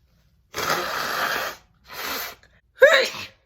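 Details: Woman sneezing on camera, recently over a cold: a long, loud, forceful sneeze followed by two shorter, wet-sounding sneezes.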